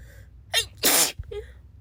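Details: Sick person sneezing: a quick inward breath, then one sharp, explosive sneeze and a short vocal sound after.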